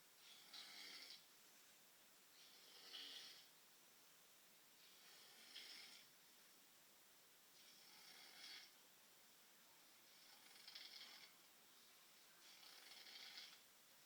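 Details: Soft, hissy breaths recurring about every 2.5 seconds, roughly six in 14 seconds, in a quiet room; light snoring.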